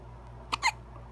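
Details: Infant hiccups: against a quiet room hum, a brief sharp catch of breath quickly followed by a second abrupt burst.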